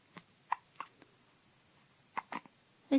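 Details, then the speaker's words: Hiccups while playing in the morning: several brief, sharp hiccup-like catches at irregular intervals in a quiet room. "it is 1007 in the morning and bruce is playing and having hiccups"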